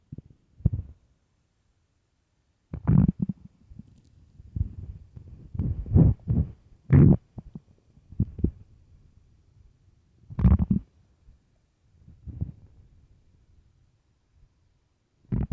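Irregular low gurgles and rumbles with silent gaps: hunger growling of the stomach, a normal sound of an empty gut.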